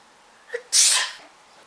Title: Magical Sneeze, WOW!!!!!!11